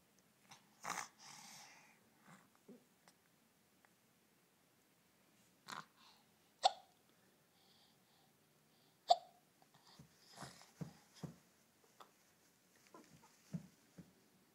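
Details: Quiet, brief catching sounds repeating at irregular intervals with soft breathing between them; infant hiccups, the baby seemingly untroubled.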